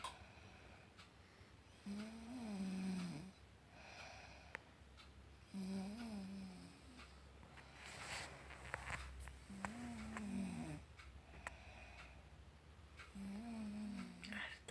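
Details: Four low, rattling inspiratory snores, roughly one every four seconds, in a quiet room from a sleeping adult woman (the recorder's wife); typical snoring during sleep.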